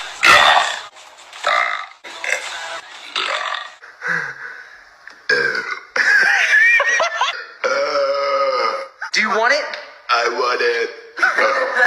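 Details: Deliberate burping contest between two men: repeated loud, drawn-out voiced belches, some long and tonal, with brief talk and laughter between; burping.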